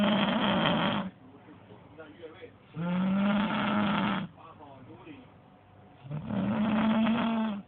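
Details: Loud, rough rattling snores on each breath in, about three in eight seconds, with faint television talk behind; snoring.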